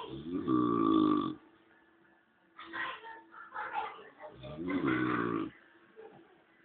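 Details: Man asleep snoring: loud, rattling snorts separated by quieter breathing sounds, uneven in timing; snoring during sleep.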